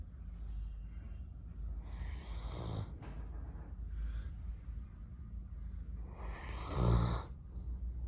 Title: Snoring doberman #shorts #doberman #pets #dog